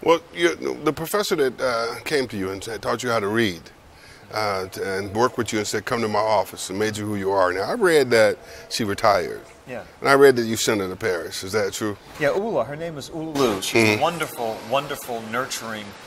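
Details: Adult speakers in conversation, mainly a man; normal conversational speech.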